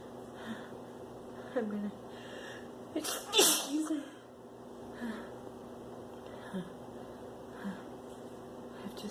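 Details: Female sneezing, possibly from spring pollen or flower allergies: a few soft breaths, then a sharp sneeze over a steady room hum; allergic sneezing.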